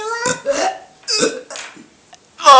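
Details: Several throaty, voiced gulping bursts with pauses between them, mixed with a little laughter: repeated burping.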